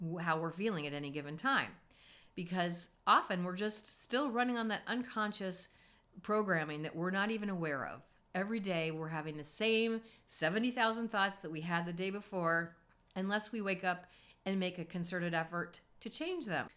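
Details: Adult woman; normal speech.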